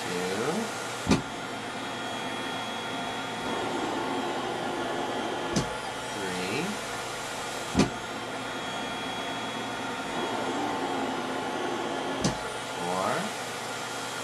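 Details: A 5-year-old girl with spinal muscular atrophy type 1 on a cough assist (mechanical insufflation-exsufflation) machine during daily respiratory treatment, head supported and airway opened, after suctioning, counted sets of five: steady hum, sharp pressure switches, rising whooshes of forced airflow.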